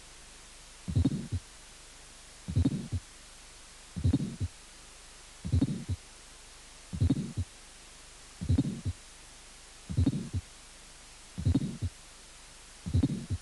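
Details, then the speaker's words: Severe aortic stenosis, slow regular beats about 40 a minute: fourth heart sound, long rough ejection systolic murmur, small second sound with reduced aortic component and reversed splitting. "estenosis aórtica severa con cuarto ruidos soplos sistólico ejectivo largo segundo ruido pequeño con componente aórtico es doblado invertido"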